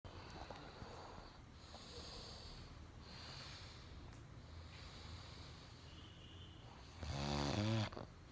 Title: No cold no stress but Magical, unethical, .. a snore as lion roar..!🤦🏻‍♂️🤣